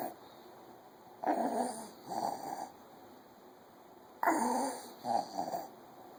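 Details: Noisy, rattly breaths at about 20 per minute from a child sleeping at 1 am: wheezing.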